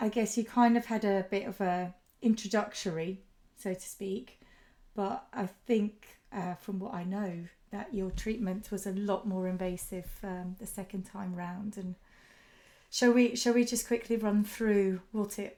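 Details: Adult woman speaking; typical speech.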